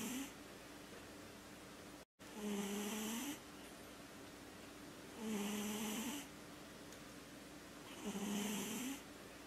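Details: Sleeping Sphynx cat: regular snoring breaths, about 20 a minute, each a rasping inhalation with a soft buzzing tone; snoring.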